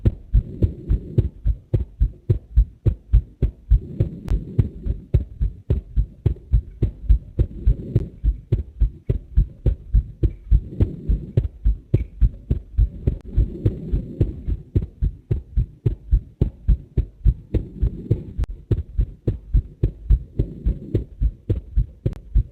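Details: Recorded human heart sounds set to a heart MRI video: steady, regular low heartbeat thumps at a fairly quick pace with a soft low background hum: heart sounds.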